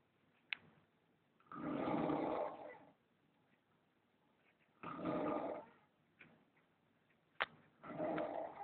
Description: very loud snoring like a pig lol